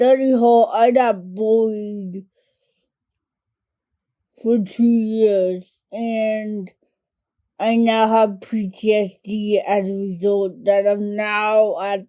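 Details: Adult woman diagnosed with cerebral palsy as a toddler, affecting mainly her speech and fine motor skills; dysarthria (cerebral palsy).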